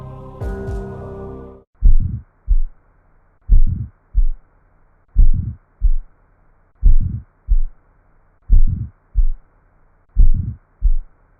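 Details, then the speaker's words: Slow regular heartbeat with a rising-then-falling whoosh after the first sound, given as the answer to a heart sound self-test question: an ejection systolic murmur. "remember you are selecting the most appropriate description and the correct answer is ejection systolic [Applause] [Music] murmur"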